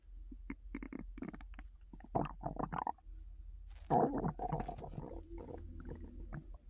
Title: loud stomach noises lol